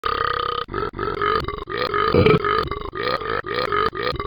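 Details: Repeated burping: a long run of loud, deep, voiced belches in quick succession.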